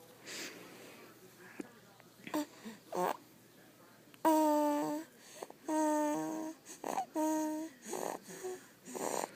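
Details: Puppy napping on her owner, recorded early December 2011: small snorts, then several high, whistling, squeaky nasal snores on the breaths; snoring.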